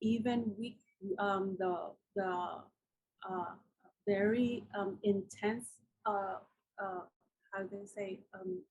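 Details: Woman with aphasia after a massive ischemic and hemorrhagic stroke 10 years ago, followed by coma and locked-in state; took almost a year to regain speech; still cannot write well.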